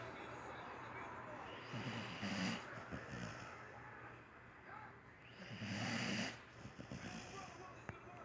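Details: Sleeping dog with noisy, rasping snoring breaths, about 16 a minute, against a steady background hum; snoring during sleep.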